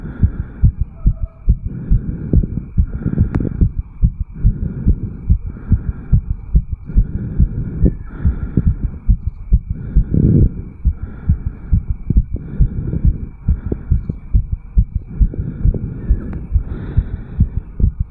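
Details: 34-year-old man after jogging uphill, recorded over the mitral valve area: rapid, regular low heart thumps at 160–180 bpm, well over 140 a minute; sinus tachycardia after exercise, a fast but normal heartbeat.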